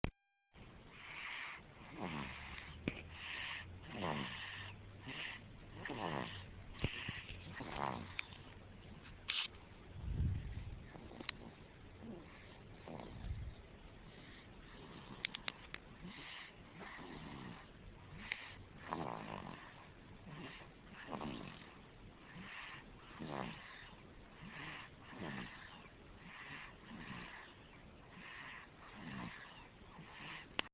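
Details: Snoring in a sleeping three-month-old infant: soft, regular snoring breaths with a faint low hum in the background.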